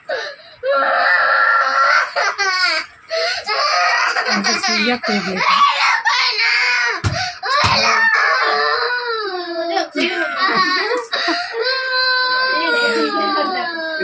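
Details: Child receiving an intramuscular injection in the waist/hip area: loud wailing, sobbing and broken voiced sobs with brief gasps between, in a small room; distressed crying.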